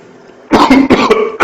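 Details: Quiet room, then a quick run of about four harsh, forceful adult coughs in close succession, from a patient consulted for a cough.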